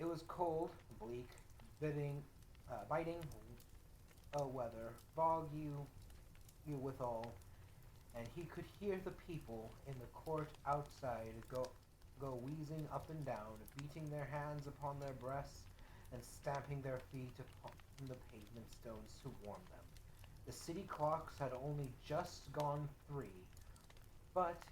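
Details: Adult man, self-described as dyslexic and somewhat stuttery, reading a novel aloud with hesitations and self-corrections; reading disfluency.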